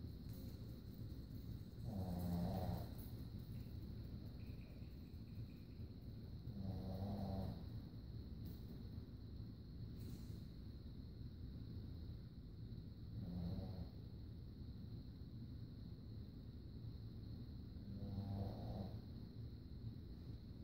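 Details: Steady, low, rumbling snoring, roughly every five seconds (about 11 a minute), over quiet room noise.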